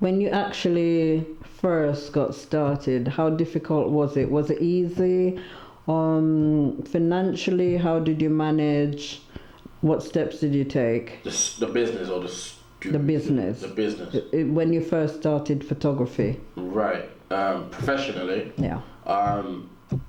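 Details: Adult male interviewer; normal speech.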